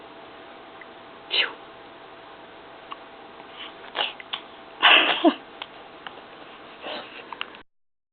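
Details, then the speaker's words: Fake (simulated) baby sneeze, with "achoo" spoken: several short, sharp sneeze-like bursts, the loudest near the middle, on a muffled, narrow-sounding recording; sneezing. "you say achoo? Achoo. Achoo. Achoo."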